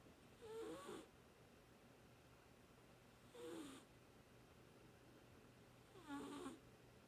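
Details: An animal that half woke, curled its paw under its head and went back to sleep: three soft, raspy snores about three seconds apart, roughly 22 a minute, against quiet room noise; snoring.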